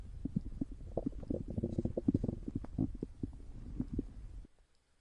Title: stomach growl